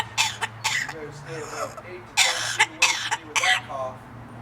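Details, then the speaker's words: A pet parrot described as having a bad cough makes short coughing and throat-clearing bursts mixed with chatter, possibly copying a human cough. "Get away from me, Mar. I don't like people coughing right now."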